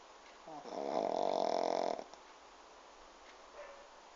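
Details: Pug asleep sitting upright in owner's lap with head on the table, snoring: one loud buzzing, fluttering breath lasting about a second, then quiet.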